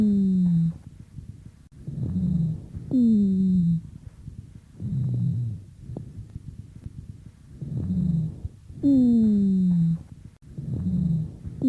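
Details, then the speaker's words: Stethoscope lung auscultation: low-pitched (bass) rhonchi, repeated low, buzzing, snoring-like tones with each breath, described as occurring in acute and chronic bronchitis, COPD and bronchiectasis. "басовые хрипы мы с вами можем услышать при остром и хроническом бронхите при хобл бронхоэктатической болезни"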